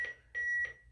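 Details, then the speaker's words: AED's built-in CPR metronome during an AED training demonstration by a paramedic instructor, pacing the chest compression rate: steady high electronic beeps evenly spaced at about two per second. AED CPR metronome beeps. "beeping what do you think that is [Music] it is the rate that we're doing cprn almost every aed has that metronome in it"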